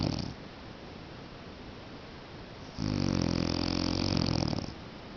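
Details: Adult man (husband) snoring: a single loud, coarse, buzzing rattling snore on the in-breath after a quiet pause.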